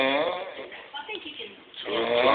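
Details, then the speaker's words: Adult roommate snoring at night, keeping the listener awake: a loud rattling snore on the in-breath, a quieter pause, then the next snore begins; ordinary snoring. "I can't go to sleep. Cause this motherfucker right here snoring."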